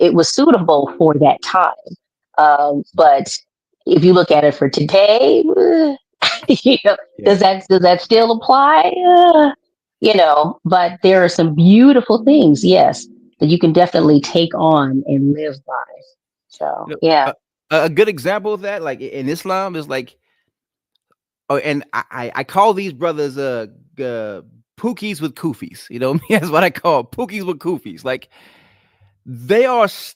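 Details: An adult man with a stutter present since childhood, when it was ten times as bad, and worse when he is excited or relaxed at home; here he is concentrating to control it; stuttering.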